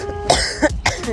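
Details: An adult recovering from a cold gives three short, harsh cough bursts during an outdoor walk in cold, windy air, with faint background tones.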